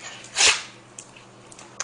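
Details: Female Pitbull, nervous after getting into the trash, shows her teeth while sneezing: a single short, sharp, hissing dog sneeze, then a quiet room with faint clicks; an ordinary sneeze.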